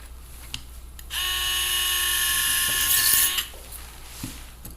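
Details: Surgical bone drill during lateral fibula plating for ankle fracture, drilling for a non-locking screw: steady high-pitched whine about two seconds, rising slightly before stopping.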